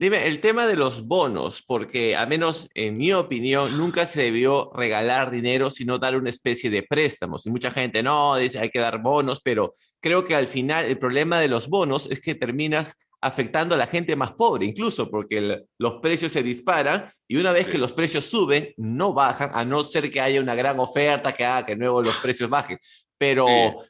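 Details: Adult male speaker; normal speech.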